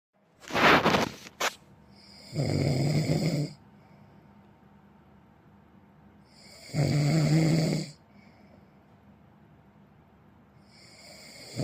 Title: เสียงกรน snore sound